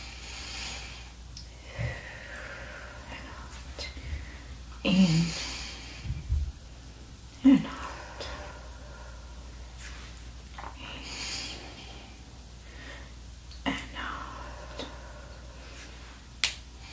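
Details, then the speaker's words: Simulated ASMR medical exam roleplay on a real person: stethoscope on the chest during slow, deep breaths, with clear sounds and no added noises. Normal breath sounds. "Yeah, clear sounds, no signs of any pneumonia, no swishing or infiltrates, no signs of any abnormalities with your lungs."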